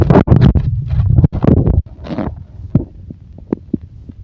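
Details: Loud low rumbling stomach gurgle followed by softer scattered thumps that may be heartbeat; ordinary stomach growling.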